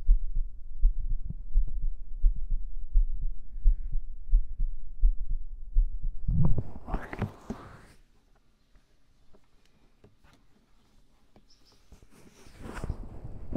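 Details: Heartbeat recorded with a 3Dio binaural microphone during an ASMR stream: low, regular thumps at roughly 85 a minute for several seconds, then rustling and handling noise before a quiet stretch.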